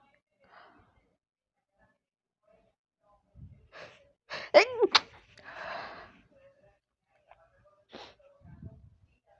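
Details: Sudden sneeze attack: quick run of voiced sneezes in succession with breathy sounds between, quiet room; recorded via headphones, poor sound quality; sneezing.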